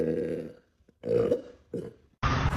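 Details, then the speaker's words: Woman burping deliberately, saying the burps stutter and get stuck: four short, deep, rumbling belches with brief pauses between them; burping. "I wasn't that deep that's what that was low I can't break that deep that one stuttered it keeps getting stuck it keeps stuttering"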